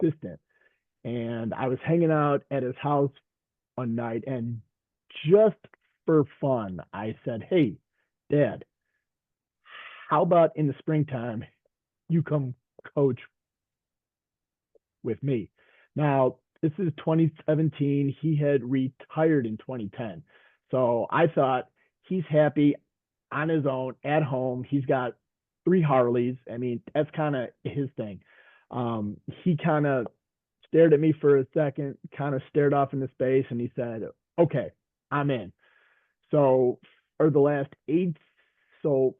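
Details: Stuttering in a man who stutters, a veteran high school coach and special education teacher, speaking in a group session.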